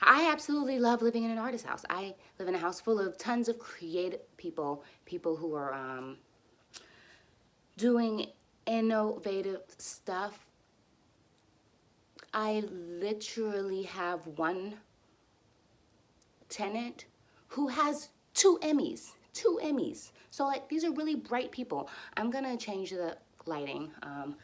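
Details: Adult woman who stutters and uses speech techniques for near-fluency, speaking while frustrated and tense, which she says makes her stutters a little longer — stuttering.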